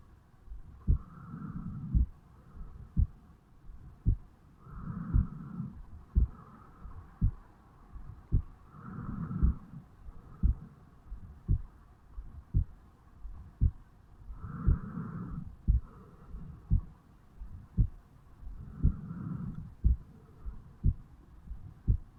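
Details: 35-year-old male's own heartbeat recorded at the mitral (bicuspid) area on waking in the morning: regular low thumping at about 57 beats a minute with soft breath noise behind; normal heart sounds.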